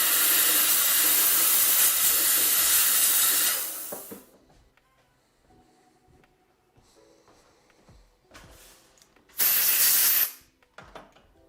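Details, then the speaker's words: Steam cleaner on a Hawley appliance with anterior finger springs for closing a diastema, removing wax: a loud continuous hiss for about four seconds, then quiet handling sounds and a second short burst. "let me steam this real quick I think I need to show this without the wax being filled in there so you actually see the gap"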